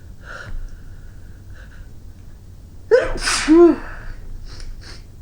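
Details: Winter sneeze after clearing snow, with a runny nose: a sharp indrawn gasp then a loud explosive sneeze with a voiced 'choo', amid quiet room noise; sneeze.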